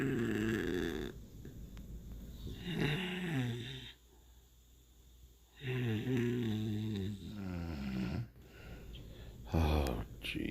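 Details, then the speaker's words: Wife (adult woman) snoring in her sleep at night: loud, deep, rumbling snores, some drawn out with a rising whistly quality, over steady room hum; ordinary sleep snoring. "Oh my god. Look at her. Still snoring away."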